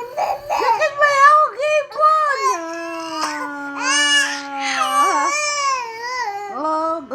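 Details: Infant crying: fussy protest cry with long wavering wails and whimpers, mixed with babble-like sounds, in a small room.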